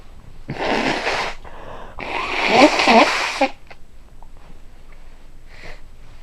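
Two forceful bursts close together, the second with a voiced 'ah-choo' quality, followed by quieter breathing. A pair of sneezes.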